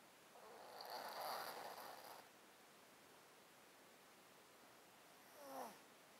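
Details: Close-up mic recording of a cat sleeping in a box with a 13-year underlying disease that makes him snotty and sneezy: a long rough snuffly breath then a brief nasal squeak, congested breathing from a blocked nose.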